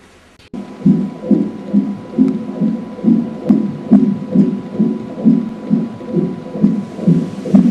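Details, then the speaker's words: Fetal heartbeat recorded by the lower transducer during cardiotocography, with the upper transducer recording uterine tone; rhythmic fetal heart rate sounds on CTG. "Нижний датчик регистрируется сердцебиение плода. Ритмичные сокращения — это частота сердцебиения вашего плода."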